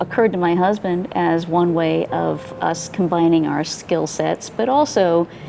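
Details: Adult woman speaking; normal speech.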